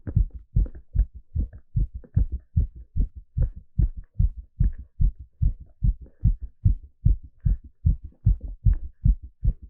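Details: Live heartbeat sound during an ECG exercise stress test: rapid, regular low thumps at about 150 beats per minute.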